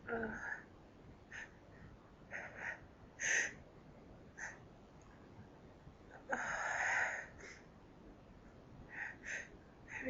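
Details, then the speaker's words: Person pinching their nose to hold back sneezes before a sneezing fit; repeated brief, muffled bursts with snorting breaths in a quiet room; stifled sneezes. "I'm pinching my nose to stop from sneezing. I can't stop it anymore."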